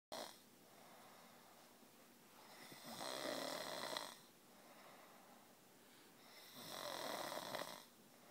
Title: Husband doesn't think he snores haha